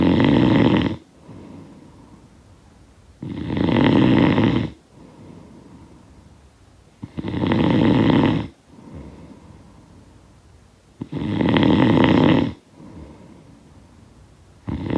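Loud, rattling snores on each breath in, about four in 15 seconds, with quiet breaths out between: heavy snoring.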